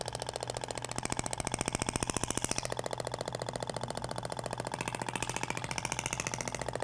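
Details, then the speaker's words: Shockwave therapy handpiece firing over the abdomen, avoiding the umbilical scar, comparing polyacetal (plastic) and stainless steel tips whose sound differs: rapid steady mechanical tapping about 15 pulses per second with a rattling tone. "agora vai para o outro sentido até o barulho é diferente da ponteira de palhacetal para inox"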